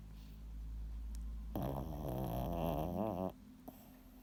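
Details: A single low, fluttering snore under two seconds over a steady room hum: dog snoring.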